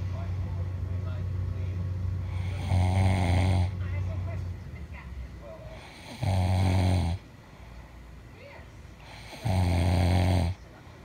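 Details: Friend snoring while asleep: loud, deep, rattling snores about every 3.5 seconds, around 17 a minute, with quieter breaths between; ordinary heavy snoring.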